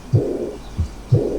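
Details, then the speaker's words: Aortic regurgitation: heart sounds with a soft second sound followed by a high-pitched, blowing, decrescendo early diastolic murmur from aortic-to-left-ventricle backflow. "este soplo [Música] tiene un tono alto tiene un timbre soplante admirativo"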